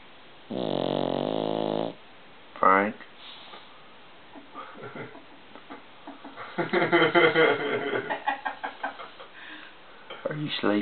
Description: This is my pug Frank sleeping and snoring as pugs do.